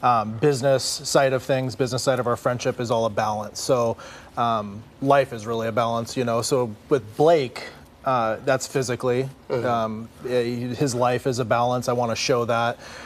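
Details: Adult man speaking; normal speech.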